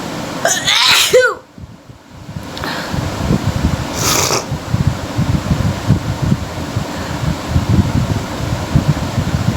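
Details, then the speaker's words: Sneeze during a sneezing challenge: one loud, forceful sneeze with a sharp inward breath before it, then a softer sneeze-like burst over steady room noise. "আজকে হবে sneezing challenge, only for sneezing, আর কিছু না, শুধু sneezing challenge হবে।"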